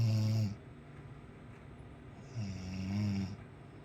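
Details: Deep, rumbling snores on inhalation with quiet breathing between them in an adult man: ordinary loud snoring.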